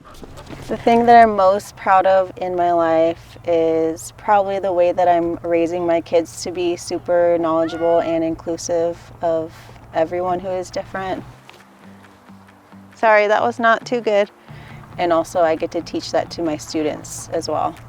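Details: 26-year-old woman with functional neurological disorder and foreign accent syndrome; the accent appeared after she woke from a migraine with her speech gone, and she also has episodes of speech loss: foreign accent syndrome.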